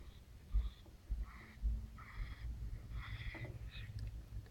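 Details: Noisy upper-airway breathing in a female cat 6 days after laryngeal tie-back surgery: faint, rapid, raspy breaths with soft snorting and wheezy squeaks.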